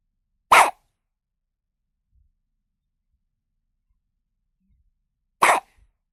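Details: Newborn baby hiccups from a sound-effect recording: two brief, sharp bursts about five seconds apart in otherwise silence.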